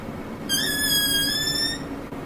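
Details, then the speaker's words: Simulated wheeze: a balloon releasing air gives a high, steady whistle, magnified but imitating the wheeze made as air leaves through narrowed airways, as in an asthma attack. "y las sibilancias es un silbido que se genera por la estrechez de la luz sería algo así"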